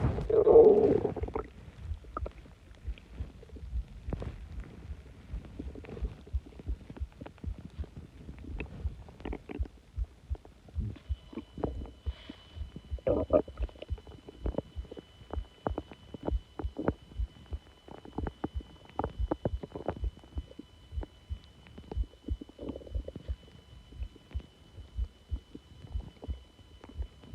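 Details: Subtle stomach growling from an adult abdomen: soft gurgles, pops and clicks after a louder growl at the start, ordinary bowel sounds.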